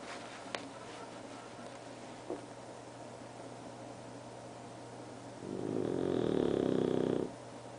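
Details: Bulldog snoring: a quiet room with a couple of small clicks, then one long, low, rattling snore on a breath in; snoring.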